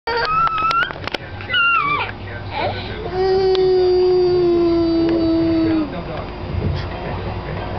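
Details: Child crying: whimpering cries rising into a long, sustained wail, with room noise behind; ordinary crying.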